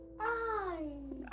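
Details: Young boy with childhood apraxia of speech, no words by age two, in home-based therapy attempting the word 'ow', producing an 'ooh'-like sound; childhood apraxia of speech.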